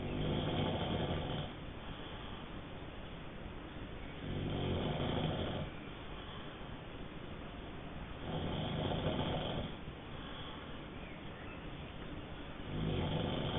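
Deep rumbling snores on each breath in, about every four seconds, roughly 14 a minute, over steady background hiss.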